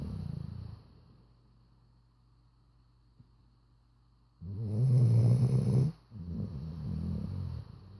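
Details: Sleeping chocolate Labrador snoring: loud, deep rumbling snores with a quiet pause between bursts.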